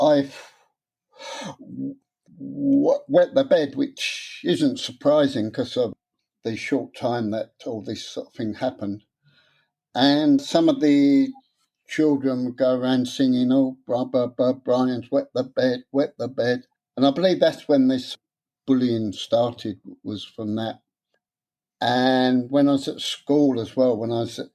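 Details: Stuttering (stammer) in an adult man, present since about age seven after childhood trauma (his parents' deaths); he later took a three-day therapy course and learned a breathing technique but says he still gets stuck on some words.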